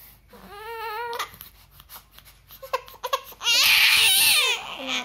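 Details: Infant crying in short wavering wails building to a loud strained cry; the baby was crying because it had urinated and wanted its diaper changed.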